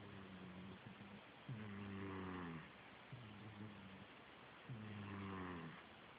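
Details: Snoring during sleep: slow, rumbling, buzzy breathing noise on each breath, about 20 breaths a minute, in a quiet room.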